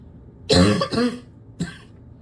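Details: Barking cough that is getting worse: two loud, harsh coughs close together, then a shorter one, each burst rough and barking.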